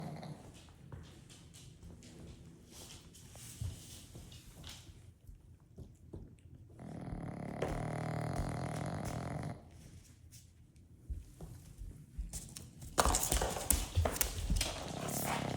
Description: The dog snores louder than I do!